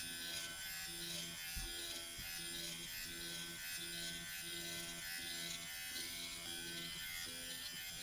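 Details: Steady high-pitched electric buzz with a faint low hum from a Dr. Pen microneedling pen used at home on the user's own face over skincare products for slip.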